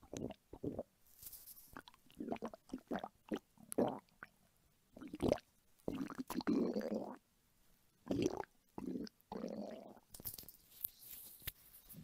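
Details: Loud, frequent gurgling, squelching and bubbling belly noises in bursts from a hungry adult woman's stomach, recorded as ASMR; normal hunger stomach rumbling (borborygmi).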